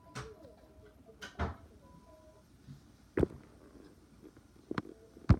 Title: More of burping